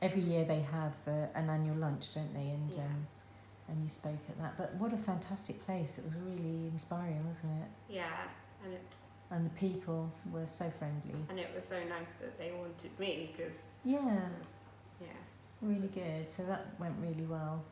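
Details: Adult woman, conversational speech; normal speech.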